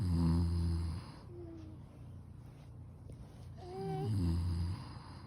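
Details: Two people snoring in a contest: deep, loud, rumbling snores with a short whistly tone between them; heavy snoring.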